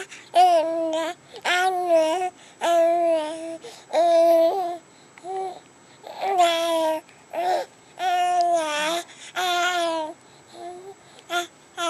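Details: Baby girl recovering from bilateral vocal cord paralysis, with stridor, laryngomalacia and reflux slowly resolving, tube-fed via J-tube/MIC-KEY button; she began making sounds after a couple of months; infant vocalization after bilateral vocal cord paralysis.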